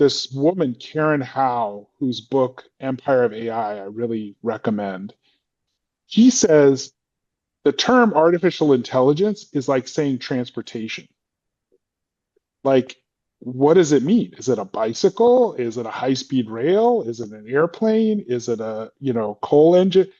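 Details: Adult speaker; normal speech.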